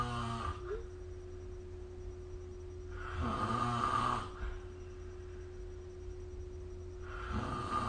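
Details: Snoring during sleep recorded with the SnoreLab app: soft, regular snores on breathing in, about three in eight seconds, over a steady room hum.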